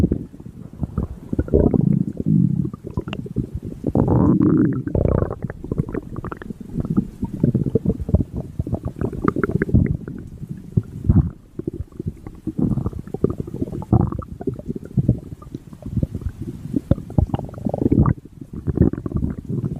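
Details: Mink's stomach growling: low rumbling and gurgling abdominal sounds of ordinary bowel activity; bowel sounds (borborygmi).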